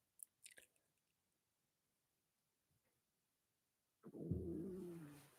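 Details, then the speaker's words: A few faint clicks, then a loud low gurgling rumble with sliding pitch lasting over a second, from a hungry person: stomach growling (borborygmi). "I don't know if you could hear that. That was my stomach going. A little hungry."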